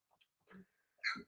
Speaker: yeah yeah i haven't hiccuped for years